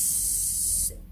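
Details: Normal unvoiced /s/ sound, demonstrated by a speech-language pathologist.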